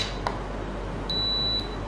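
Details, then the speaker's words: BeneCheck GCU 3-in-1 meter (glucose, uric acid, cholesterol): a brief soft click, then a single steady half-second high-pitched beep after pressing Set to finish date and time setup, confirming setup is complete. "Nah, ini berarti sudah ke setting ya. Alatnya sudah tersetting."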